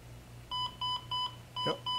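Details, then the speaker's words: Criticare 8100 EP1 patient monitor with capnography demo: repeated short high-pitched beeps about three per second over a low room hum, the apnea alarm sounding about 30 seconds after the nasal cannula is removed. "i will now take that nasal cannula off and we have this thing set to go to an atm alarm i believe in about 30 seconds"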